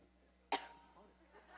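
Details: A woman coughing uncontrollably while speaking at an event, asking for water after talking for days; cough.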